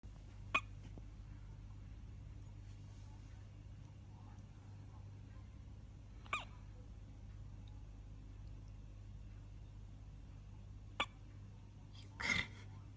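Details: Baby with hiccups, also yawning: four brief, sharp hiccups spaced a few seconds apart over quiet room hum.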